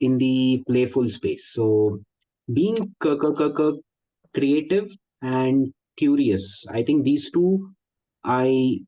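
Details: Likely stuttering (stammering) in an adult man speaking in a Zoom workshop; he is a 12-year member of a stammering association and seems to include himself among people who stammer.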